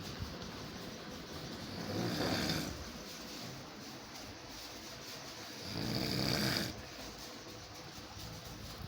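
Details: Overweight man snoring hard during sleep: two loud, harsh snores on breathing in, roughly 15 breaths a minute, over steady room noise.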